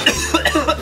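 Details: Brief run of short, voiced coughs from an adult man after breathing in firework smoke during a filming session, over a steady low background hum.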